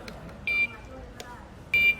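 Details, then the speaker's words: Two short high-pitched electronic beeps from a K-3S infrared thermometer while its beep volume setting (FC, adjustable to 8, default 5) is adjusted, with faint room noise between them. "FCเป็นการปรับนะครับความดังของเสียงนะครับผมก็กดเข้าไปเทพ4ตัวนี้ปรับได้ถึง8นะครับก็มาตรฐานจะถูกปรับไว้ให้ที่5นะครับผม"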